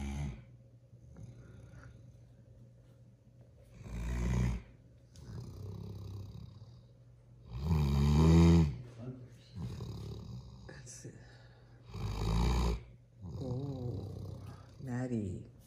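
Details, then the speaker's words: Seven-month-old female Great Dane puppy asleep, sprawled across a chaise, snoring loudly: deep, rattling snores at roughly 15 a minute, some growly and groaning; snoring. "and a half month old great dane puppy who loves to snore funny girl"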